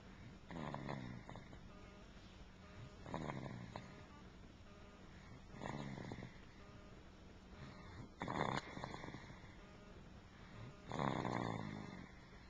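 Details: Rhythmic, rattling snores from a sleeping child, about 23 to 24 breaths a minute, recorded in 2007 with a Flip Video camcorder.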